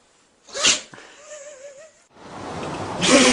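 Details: A sharp explosive sneeze, then a brief wavering animal whine from a dog and a second hissing burst of noise.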